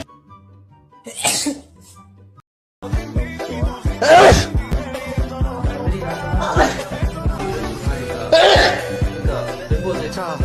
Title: Wait for sneeze 🤧✨ #bts #btsarmy #viral #shorts #relatable